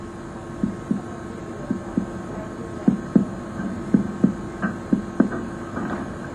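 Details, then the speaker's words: Light finger percussion, about eleven paired taps moving down the right chest during abdominal examination of a female patient lying supine, showing the change from lung resonance to liver dullness. "next lightly percuss the abdomen and to assess the distribution of Tony and dullness Tony indicates gas in the stomach or intestine dullness suggests fluid or feces"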